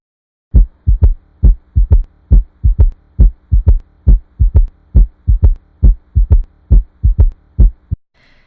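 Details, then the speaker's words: Third heart sound (S3 gallop), caused by abnormal ventricular filling often from ventricular dysfunction such as heart failure: regular triple rhythm about 67 per minute, with an extra soft sound right after S2. "il est causé par une vibration audible duo remplissage anormale des ventricules souvent causée par une dysfonction ventriculaire comme l'insuffisance cardiaque on peut entendre le b3 tout de suite après le b2 comme ici"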